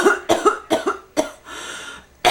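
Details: Person with bronchitis, who complains of a long-lasting illness, head pain and an ear popping, gives a rapid run of about seven harsh, voiced coughs with a noisy in-breath.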